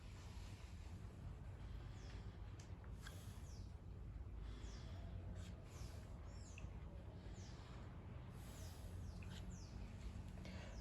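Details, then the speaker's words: Crackles (rales) heard during lung auscultation: muffled breath sounds with scattered soft, brief, discontinuous popping clicks, best heard on inspiration, not cleared by coughing, and typically located at the lung bases (lower lobes). "Los sonidos estertores son sonidos crepitantes, suaves, breves y discontinuos, y estos se escuchan mejor en la inspiración y no van a desaparecer con la tos, y se localizan en la base de los pulmones, en específico en los lóbulos inferiores."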